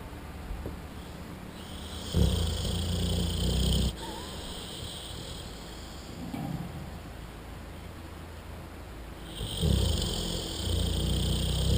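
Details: Loud, rough low-pitched snores about every seven seconds, with quiet exhalations between, from a sleeping American Bulldog on a lazy Saturday; room hiss in background.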